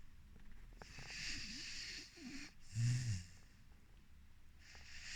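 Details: Snoring in a sleeping 4-month-old Rhodesian Ridgeback puppy: low snorting, snuffling breath sounds with one louder snort.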